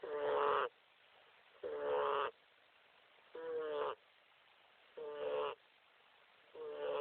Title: Who's snoring ?